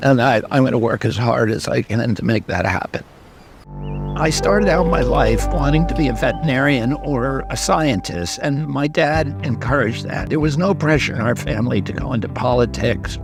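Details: Spasmodic dysphonia in a 70-year-old man, a neurological voice disorder that began at age 42; the voice trembles and sounds raspy and croaking, where before age 46 he had a very strong voice.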